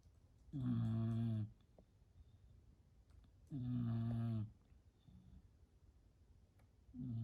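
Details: Sleeping woman, not woken even by a sneeze, gives loud rhythmic snores on each breath in, about 20 a minute, with quiet pauses: snoring during sleep.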